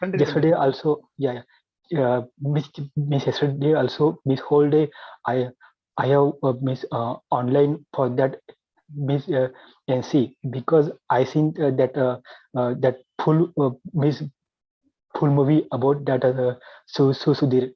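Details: Adult male with stuttering since childhood, had therapy in 2010, still working to overcome his stammering; stuttering.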